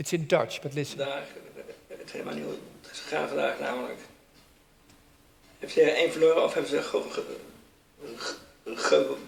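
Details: Dutch-speaking man with Parkinson's disease and severe freezing of speech, pacing his speech with a metronome (auditory cueing), to which the freezing responds: freezing of speech (Parkinson's disease) with metronome pacing.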